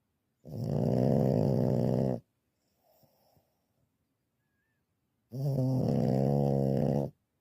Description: Pugs snore worse than men....🤣🤣